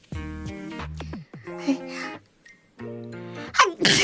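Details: A streamer sneezes sharply near the end, with music playing in the background.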